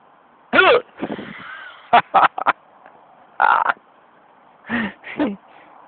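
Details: Short, abrupt voiced gulps at irregular intervals in a quiet room; hiccups.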